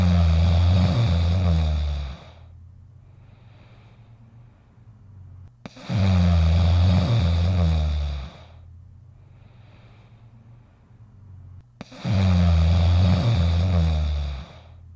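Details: Dog sleeping in a doghouse: three long, deep, rumbling snores at about ten a minute, with quiet pauses between them; steady snoring during sleep.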